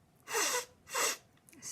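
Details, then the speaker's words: Adult woman with self-diagnosed patulous Eustachian tubes after two years of blocked ears; sniffling produces repeated clicking/popping of the ears that briefly unblocks them, with autophony of own breathing. "constant popping of the years every time i was able to unblock them so i click click click it would happened only when i sniffled"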